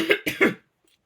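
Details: Three quick, loose cough bursts, then silence; a short coughing fit from an adult with a cold, croaky voice and sore throat that began a couple of nights earlier.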